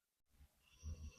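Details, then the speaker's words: Overweight sleeping yellow Labrador gives a brief low, rumbling, pig-like snort. Owner wondered whether dogs can have sleep apnea because she is overweight and snores. "and if you hear snoring in the background, that would be my yellow lab Miley sleeping right beside me. She somehow manages to sound like a tiny pig when she sleeps"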